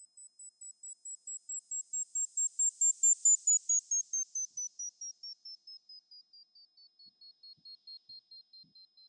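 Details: A train of short, high beeps slowly falling in pitch and swelling then fading, from the Mimi Hearing Test iPhone app over AirPods Max headphones, testing the right ear; pure-tone hearing test tones.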